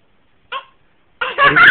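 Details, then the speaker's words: Two-year-old girl with hiccups for the first time, excited: one brief abrupt hiccup, then the start of a louder vocal sound. "you burp that's a hiccup I are you hiccuping"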